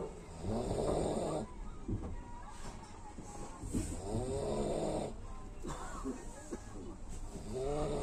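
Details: Person snoring at night during a train journey from Ahmedabad to Puri: loud, rattling snores about every four seconds, roughly 15 a minute, over steady train rumble; heavy snoring in sleep.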